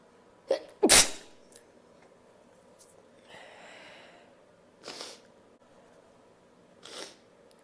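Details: One loud, explosive, unstifled sneeze with a short lead-in breath, followed by softer hissing sneeze bursts; ordinary sneezing.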